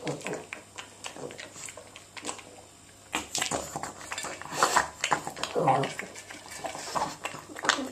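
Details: Pug with brachycephalic obstructive airway syndrome (BOAS) having difficulty eating; snorting, snuffling obstructed breaths mixed with clattering of the bowl.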